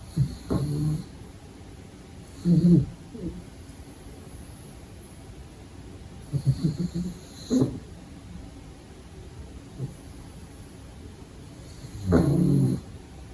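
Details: A sleeping pug puppy gives soft rumbling snores with snorts, recurring irregularly about five in thirteen seconds, over quiet room noise; ordinary puppy snoring during sleep.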